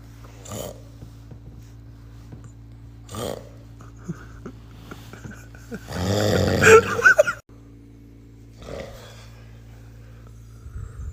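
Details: Snoring from a man described as super drunk: rough, rattling snore bursts at irregular intervals, one long loud snort partway through, over a steady low room hum.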